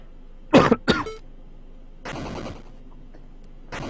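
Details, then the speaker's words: Two sharp, explosive coughs from an adult recovering from a recent cold, then a softer throat-clearing burst, over faint background sound. "Excuse me, I just got a cold recently, so kind of just getting better from that. So you will hear me coughing from time to time."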